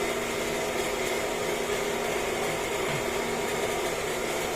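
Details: Newly replaced vacuum pump motor on a BMT Sterivap 6612 autoclave running after installation: steady loud motor hum and continuous whirring drone without pauses. Load current measured about 9.4 A on each of three lines, balanced, running stabilized.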